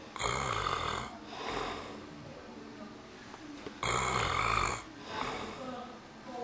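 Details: Two people snoring together in a quiet room: loud, harsh, rattling snores on each in-breath, with softer overlapping snoring between.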